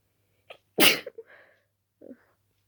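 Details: A quick breath in, then one loud sharp sneeze followed by soft sniffing, at night from a sleepy person with an itchy nose; they suspect dusting the room before bed caused it.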